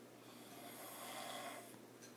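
A single soft, breathy snore on one in-breath, with a faint steady hum in the room.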